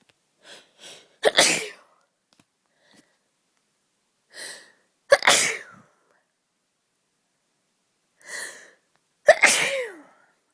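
Three sneezes, each preceded by quick catching inhalations, sharp and explosive; a bout of sneezing.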